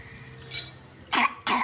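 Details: Person who choked while drinking: two sharp, harsh cough bursts after a quiet stretch; choking cough after drinking.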